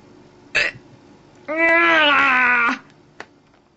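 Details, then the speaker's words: Adult woman with an English accent, hiccuping continuously from 10 am to about 9 pm, feeling sick with whole body aching: a sharp, abrupt hiccup, then a drawn-out voiced groan and a smaller second hiccup; persistent hiccups. "I could rant but these hiccups are actually making me feel a bit sick I've literally had them all day it's 20 9 in the evening and I've been hiccuping since 10:00 this morning so my whole body aches"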